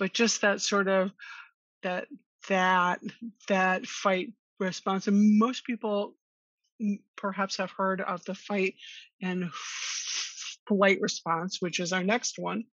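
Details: Stuttering in an adult woman who has stuttered since childhood and attended speech therapy growing up.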